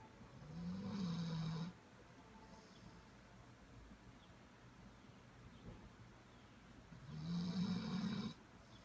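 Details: Sleeping Labrador dog snoring: two long, low rattling snores about six seconds apart over quiet room noise.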